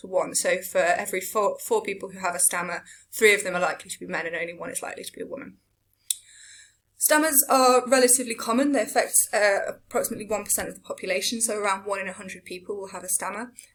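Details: Adult lecturer; Typical speech.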